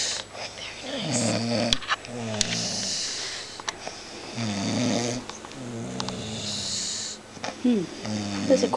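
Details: Woman snoring while asleep on a couch: loud, rough, rattling snores in repeated inhalation bursts, with some room noise; ordinary snoring.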